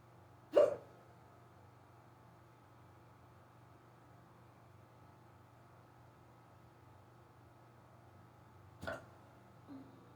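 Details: Hiccups in a person who rarely gets them, starting suddenly on waking in the morning, lasting almost 20 minutes, described as very bad and fast. Two sharp, brief throat catches about eight seconds apart over quiet room hum.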